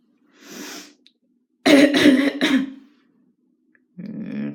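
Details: Acted cough in a dramatized scene: a harsh cough of about three bursts, with a short throaty sound before it and a voiced groan after.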